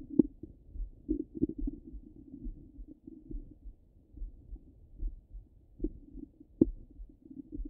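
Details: Low gurgling stomach rumbles with scattered soft pops and bubbling; active bowel sounds, borborygmi.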